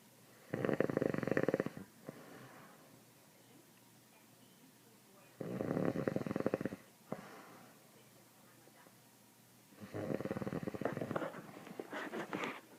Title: Snoring Dad!